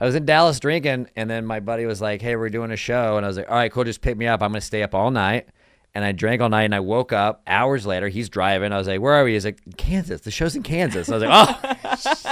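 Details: Adult man; normal speech.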